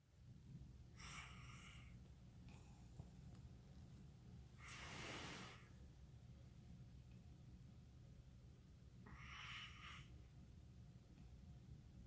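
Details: Loud, rough snoring bursts about four seconds apart over a steady low hum, roughly 15 breaths a minute; snoring.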